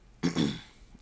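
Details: A single harsh, throaty adult cough in a small room, from a speaker struggling to hold back coughs while talking: cough.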